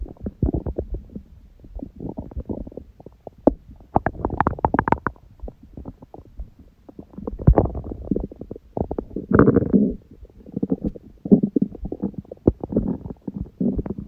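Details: Own belly sounds after a large first meal of the day at 16:00, following water-only fasting since 19:00 the day before, and after abdominal exercise (raw-food diet): frequent gurgling and rumbling in irregular bursts; active bowel sounds.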